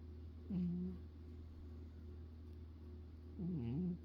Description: I recorded my cat snoring in my ear.